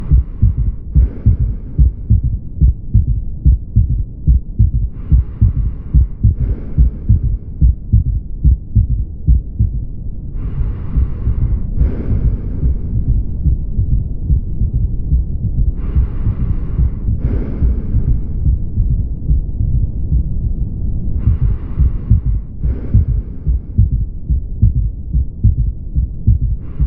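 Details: Third heart sound (S3): a regular heartbeat near 71 a minute with an extra low, dull sound soon after the second heart sound.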